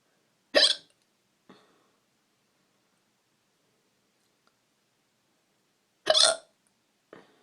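Two sharp, sudden hiccups about five seconds apart, each followed by a faint after-sound, in a quiet room.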